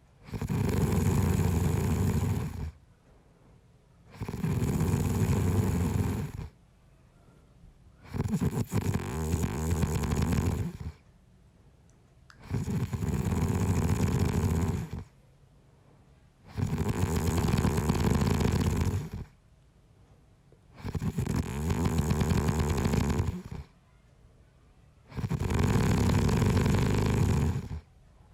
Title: Snoring - Sleeping Sound - Sound Effects